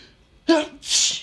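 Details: Adult reading a light novel aloud before morning medication: single sneeze, voiced 'ah' intake then sharp hissing 'choo' burst.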